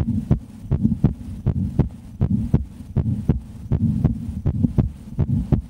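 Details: Adult woman's heartbeat heard through a stethoscope: steady, regular lub-dub at about 80 beats a minute, normal rate with no extra or skipped beats; normal heartbeat.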